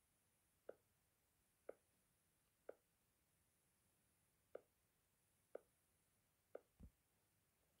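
Quiet, regular single heart sounds about 60 a minute, the first heart sound barely audible: a soft S1.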